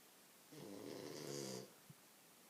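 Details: Single rough, rattling inspiratory snore lasting about a second, in a quiet room, from a sleeping French bulldog lying on its owner's legs; snoring.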